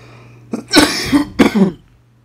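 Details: Ill adult worker in Riyadh, self-treating while sick: two harsh, forceful cough bursts in a quiet room with a low steady hum behind.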